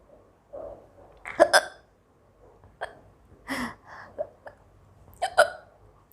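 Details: Woman with hiccups during a 10-minute hiccups and sneezing challenge: several short, abrupt throat catches with sharp clicks, some in quick pairs, in a quiet room.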